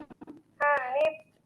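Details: 7-year-old boy with sensory hearing impairment, using hearing aids since age 4 without meeting his hearing needs, later cochlear implant candidate; not yet producing clear meaningful words; unclear speech of a child with hearing loss.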